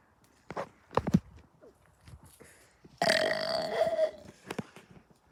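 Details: Burping: a few short throaty sounds, then a long, loud, voiced belch lasting about a second.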